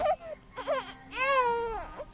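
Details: Baby crying while mother coaxes her to say what she wants; mother says crying is good exercise for her lungs. Short bursts rising to a longer, clear wailing cry, with soft room noise.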